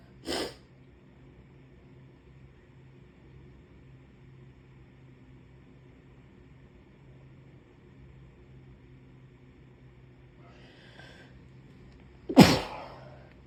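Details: Two brief sharp sneezes from a puppy with a cold, about twelve seconds apart, with a snuffle between them over a steady room hum.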